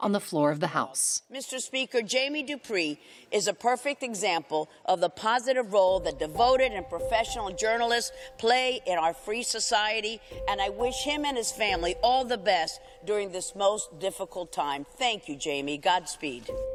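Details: Adult speaker, formal address; normal speech.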